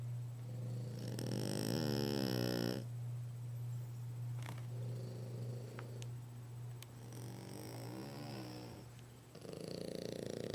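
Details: Two French Bulldogs snoring together during a nap: rattling, fluttering snores on each breath, about three in ten seconds, over a steady low hum.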